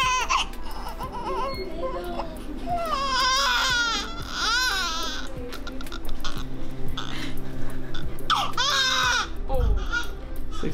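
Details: Newborn boy weighing 6 lb 13 oz, in hospital after delivery, being checked, weighed and measured under a warmer: bursts of high, wailing crying with a steady low hum and faint music behind; an ordinary newborn cry.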